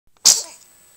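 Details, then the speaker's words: Baby boy sneezing, who also has hiccups: a single sharp, hissing burst of air that fades quickly, one small infant sneeze. "Oh, is that a gesundheit? Mama's boy sneezed and he has hiccups too."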